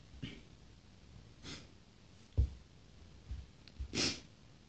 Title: 4 sneezes, false starts, sniffling, noseblowing and a last very reliefing sneeze :)